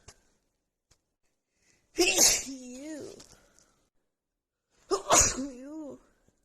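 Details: Woman with a really bad, stuffy head cold: two forceful sneezes, each with a sharp burst and a voiced trailing cry.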